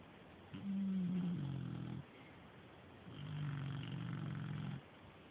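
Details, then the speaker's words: Female dog snoring very loudly at 1 a.m., two long, low, vibrating snores over a second each with a brief pause between; she snores like this all the time and may have just been woken. "that would be my dog Billy snoring I think I just woke her"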